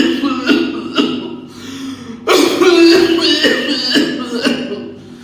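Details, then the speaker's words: Imitation of a COPD cough: deep inhalation, then a prolonged bout of multiple coughs, the pattern of small-airway obstruction with expiratory flow limitation. "so this types of cuff is usually because of small Airway obstruction and expiratory flow limitation"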